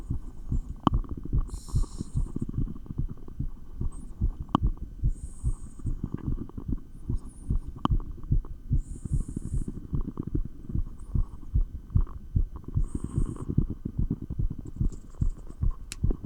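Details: Real heartbeat recorded through a stethoscope while exercising with 20 lb dumbbells: fast, regular beats with brief rustling noises on top; rapid heart sounds during exercise.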